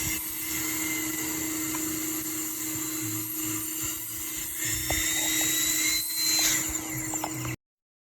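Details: Dental handpiece running on an ADEC Century Plus delivery unit with a pneumatic fault; steady high-pitched drill whine with hissing air background as the unit's air pressure drops.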